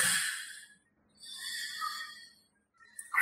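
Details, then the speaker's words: Agonal breathing: two slow, breathy gasps separated by a pause, an abnormal, inadequate gasping pattern that may also sound like snorting, labored breathing or moaning; distinct from a death rattle. "gasping but it can also sound like snorting and labored breathing it may even seem as though the person is moaning"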